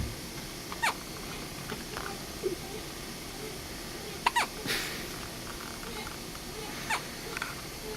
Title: has the hiccups.mpg